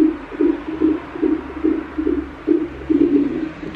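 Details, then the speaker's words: Fetal heartbeat and movements on a CTG monitor at 33 weeks of pregnancy: rapid, regular whooshing pulses at about 140 beats a minute. "Da hört man auch super die Bewegungen und den Herzschlag."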